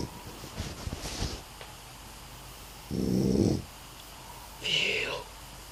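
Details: Snoring during sleep: after some rustling, two loud, rough, rattling snores come a couple of seconds apart.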